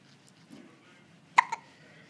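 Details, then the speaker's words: Newborn being bounced has hiccups; two sharp, squeaky hiccup sounds close together in a quiet room, louder than a newborn would be expected to utter. "yeah bouncing you and Mommy's nail filing you and you're hiccuping and boun in you see that how I bounce you what's that hand doing here we go another Hiccup How many can we do in a minute want to count"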